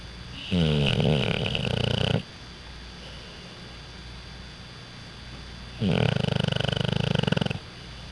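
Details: Six-month-old Pit Bull dog, asleep on owner's lap after his morning walk, snoring very loudly: two harsh, fluttering snores about four seconds apart, each over a second long; loud dog snoring.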